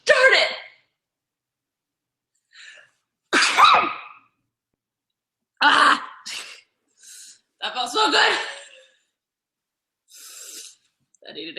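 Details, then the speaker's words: Sneezing from someone who says they are allergic and a loud sneezer, in a sneezing compilation: several sharp, explosive sneezes with brief inhaled build-ups and short gaps between, in a quiet room; repeated allergic sneezing. "About that, oh gosh, I've got to sneeze. Bless me. It's not special, just normal."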